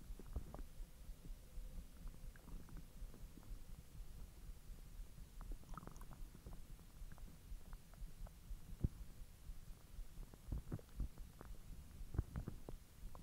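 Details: Bowel sounds from the belly after eating hotdogs following a 10-hour empty stomach: low gurgles and rumbles, some with brief squeaky bubbling; normal digestion.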